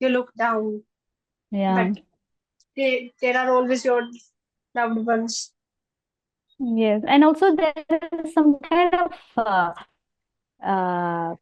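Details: Stammering in a 20-year-old woman who stammers more in public than with family.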